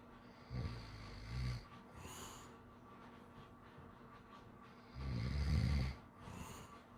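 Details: Sleeping pit bull–Labrador mix dog gives deep, rumbling snores on breathing in, each followed by a softer breath out; loud snoring.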